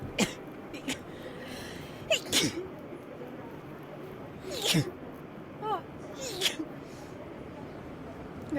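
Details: Rapid sneezing in a girl who mentions bad allergies: about five small, high-pitched sneezes in quick succession, with background game sounds.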